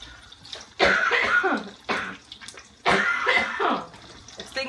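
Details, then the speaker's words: Woman who is ill, coughing while cooking: three harsh, forceful coughs with faint kitchen noise. "I don't mind coughing in front of you because you all know that I'm sick and I know it is disgusting when you're hearing people coughing all over the place"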